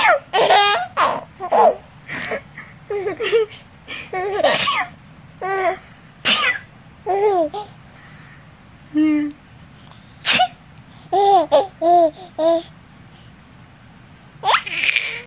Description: Who knew sneezing could be so funny?